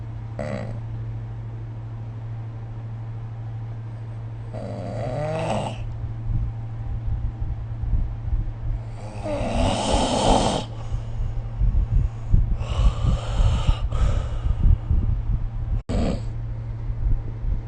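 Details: Rough, rattling snores recurring irregularly during sleep over a steady low background hum, recorded with the SnoreLab snore-recording app.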